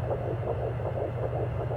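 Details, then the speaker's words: Fetal heartbeat of a healthy baby girl at about 14 weeks of pregnancy, heard clearly on Doppler at a rate of 160 beats a minute. "Un petit bébé qui son cœur bat à 160. C'est parfait. C'est un petit bébé en santé."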